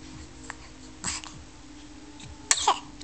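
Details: Short throaty bursts, a small cough and throat clearing, over a faint steady hum in a quiet room.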